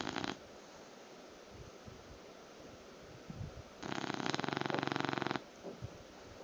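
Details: A loud, fluttering, rattling snore lasting over a second, with quieter snuffling breaths and room hiss, from a sleeping bulldog; snoring.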